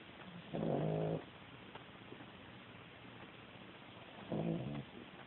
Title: Princess asleep snoring like a man!